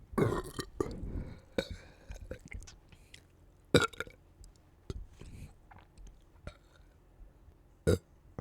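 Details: Several deep, gurgling belches with quieter swallowing or mouth sounds between them in a quiet room; repeated burping.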